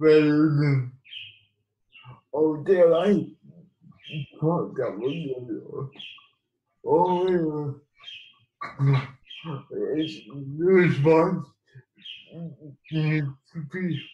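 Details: Man with cerebral palsy; dysarthric speech in cerebral palsy.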